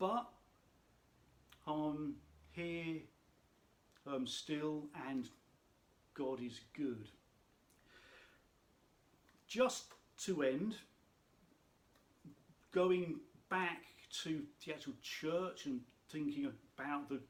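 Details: Adult speaker who states he has a stammer; stuttering (stammer).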